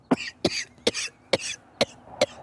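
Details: Six quick coughs in a row, each a sharp burst with a short breathy tail, from a comedy blooper clip: coughing.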